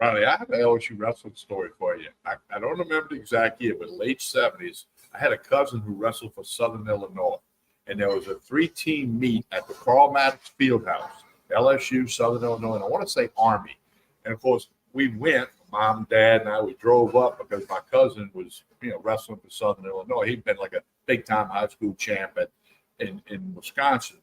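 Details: Adult man; ordinary speech.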